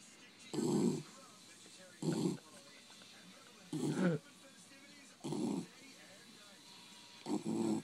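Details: Asleep on a lap after a hard day outside: five low rattling snores at regular intervals, roughly 18 a minute, over quiet room hiss; snoring.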